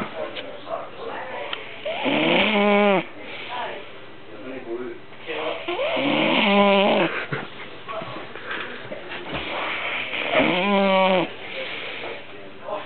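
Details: Loud, rattling, droning snoring breaths about 14 a minute from a sleeping man, with music in the background; snoring.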